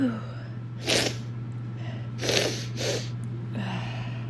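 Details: Sneezing possibly from a cold or winter allergies (uncertain), captured throughout the day: three sharp sneezes in quick succession over a steady low room hum.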